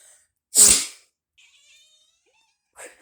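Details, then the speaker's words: Person's single loud, sharp sneeze, followed by a faint chirp from a nearby cat that reacts every time its owner sneezes. "so for some reason my cat does this thing wherever i sneeze he kind of just freaks out okay watch this like i can make a mia whenever i sneeze is there a reason for this"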